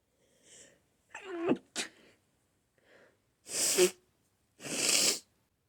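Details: Sneezing fit attributed to allergy to flowers: soft wind-up breaths, then two loud, sharp sneezes in quick series; repeated allergic sneezing.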